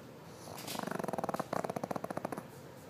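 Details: Rapid fluttering rattle on each breath, two bursts in three seconds, from a pig; a soft snore.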